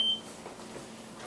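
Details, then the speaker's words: Single short, high chirp from a Philips Respironics oxygen concentrator, a flow alarm, often caused by misuse such as adjusted liters per minute. "by asking them if they've adjusted their liters per minute it has the yellow light constant and the red light beeping"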